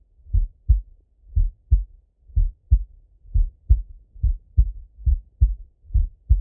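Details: Male heartbeat by stethoscope during full heart auscultation, recorded either sitting at a desk or lying in bed: clear, regular lub-dub at about 110 beats a minute, no extra sounds between beats; normal heart sounds.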